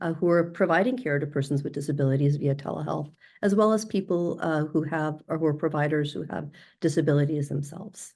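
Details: Adult speaker; normal speech.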